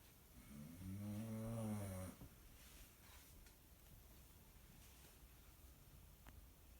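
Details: Pitbull dog snoring: one loud, low, buzzing snore lasting about a second, then quiet breathing with faint room noise.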